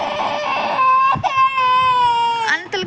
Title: cute baby was crying😭😭so unhappily# funny baby# cute# tasmina # baby video